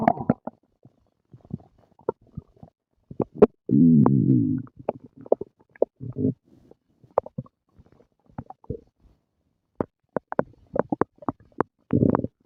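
Irregular gurgles, pops and low rumbling growls from the stomach; ordinary bowel sounds after eating.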